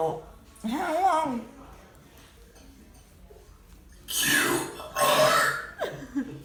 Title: Burping the ABCs!